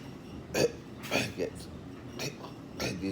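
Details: Man with hiccups persisting 1 year and 8 months, with acid reflux/heartburn, fatigue, weight loss to 149 lb, worse on moving; dryer in background: several abrupt, catching hiccup sounds about half a second apart; persistent hiccups.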